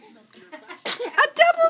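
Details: Eight-week-old baby boy: a soft lead-in, then two quick, sharp bursts of breath, a double sneeze.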